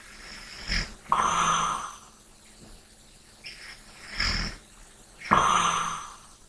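Rough, snorting snores on the breaths in, with softer breaths out between them, during sleep.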